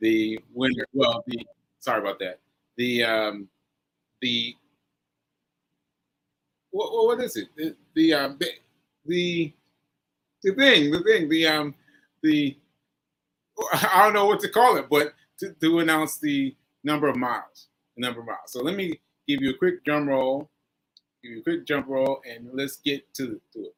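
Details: Aphasia with word-finding difficulty in a male stroke survivor, nearly a year after a stroke on 7/14/22 (recorded 7/4/23); he is still recovering and says his aphasia makes some things harder.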